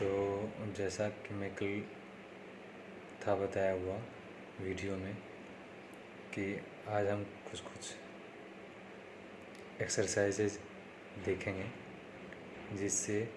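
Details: Man who stammers, on day 3 of his own speech therapy practice; stuttering.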